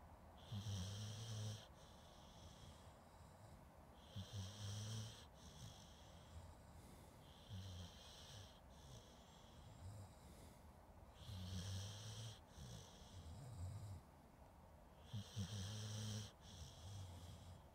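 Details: Rhythmic low snoring, about 16 breaths a minute, each inhalation a rattling snore with an airy whistle above it, from a sleeping dog (recording also includes some people snoring), Zoom H2N recorder; snoring.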